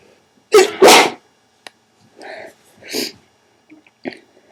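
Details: A loud two-part adult sneeze followed by quieter breathy sniffs and nasal sounds, one of three sneezes before a long wet nose blow into a hanky: a sneeze.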